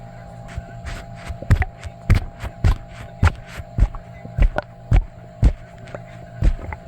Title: Sloshy stomach noises after drinking milk and eating cheesy foods